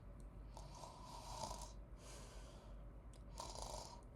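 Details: Person snoring while asleep: rough, rattling breaths, two loud snoring inhalations about two seconds apart over a low room hum; ordinary snoring.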